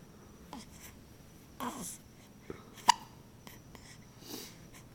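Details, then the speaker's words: One-week-old newborn with frequent hiccups, sleepy before feeding; soft, brief catching sounds about a second apart in a quiet room. "Okay, 1 week old. Hiccups galore."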